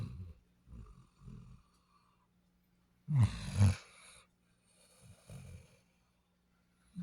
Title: Snoring.....Daisy Duke Bassett Hound 💤💤🐾